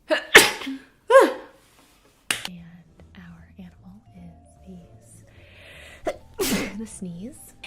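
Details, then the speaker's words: Sneezes from a sneeze compilation: several sharp, explosive sneezes in quick succession, with brief music, quiet sounds and "bless you, excuse me" between them. "oh right here I have a sneeze bless you excuse me"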